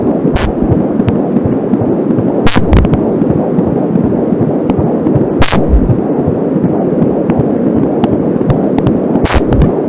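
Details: Home fetal heartbeat recorded with an Angelsound fetal Doppler: fast, whooshing pulsing near 160 a minute through steady hiss and probe clicks; slower beats at times are the mother's pulse from a nearby artery.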